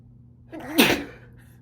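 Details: A single ordinary sneeze: a short catching inhale followed by one sharp, explosive sneeze.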